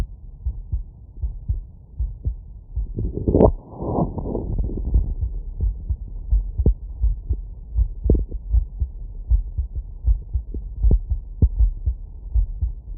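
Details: Stethoscope auscultation of the heart at about 79 beats a minute: normal heart sounds, with a brief rubbing noise early on.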